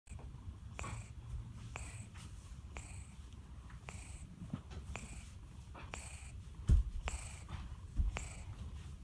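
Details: Sleeping cat snoring: soft, rhythmic snuffling breath noises repeating steadily in a quiet room.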